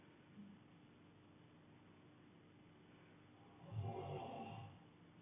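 A single low, rough snore near the end after quiet breathing in a quiet room; snoring.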